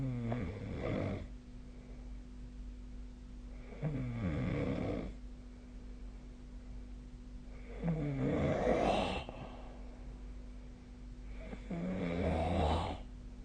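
Rough, fluttering snores on each breath in, about 15 a minute, over a steady room hum; ordinary snoring.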